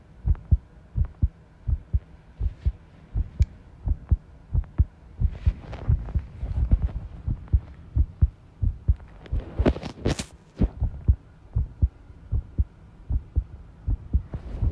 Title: 部屋の片付けをしながら心音をとってみた【不整脈あり】